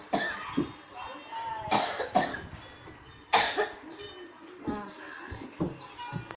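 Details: Severe cough: repeated harsh, forceful cough bursts with talking in between.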